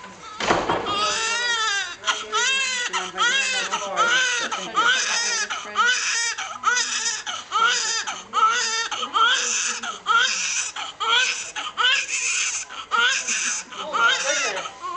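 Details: Newborn boy's first cries just after birth and cord cutting: repeated high-pitched, wavering cries with short pauses for breath between bursts.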